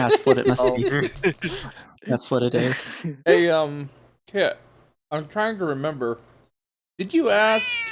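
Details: Adult male speakers in casual conversation; Normal conversational speech.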